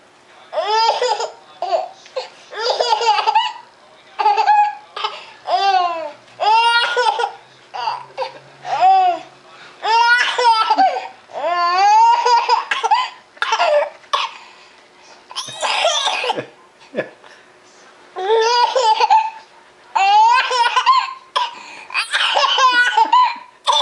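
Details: High-pitched infant laughter in repeated bursts, interrupted midway by a few brief, sharp coughs; cough.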